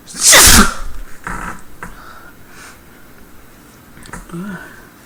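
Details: Adult woman performing one loud, forceful, acted sneeze staged as sneezing onto the viewer, followed by quiet breathing and rustling in a small room; simulated sneeze.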